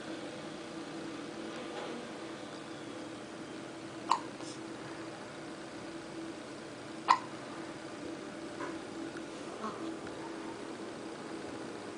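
Two short, sharp hiccups a few seconds apart over steady room noise; hiccups.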